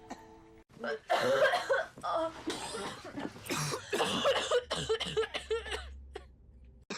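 A string of acted coughs and throat-clearing sounds from film scenes, with bits of speech between them.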